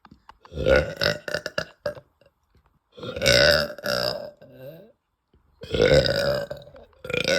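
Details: Girl after eating; three loud, long, rumbling deep belches with quiet pauses between them: burping after a meal.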